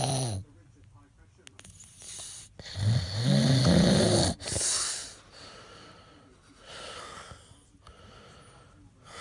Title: Snoring(2)